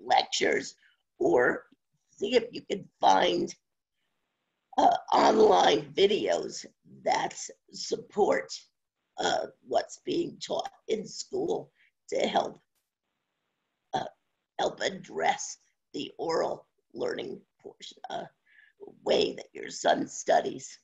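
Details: Adult woman with spasmodic dysphonia since around 2010, progressively worsening, no cure; awaiting a postponed Botox injection. Scratchy voice; spasmodic dysphonia.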